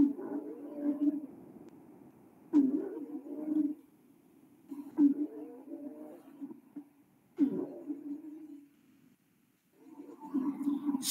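Repeated breaths, about 25 a minute, each carrying low musical whistling tones with several pitches layered together: polyphonic wheezes.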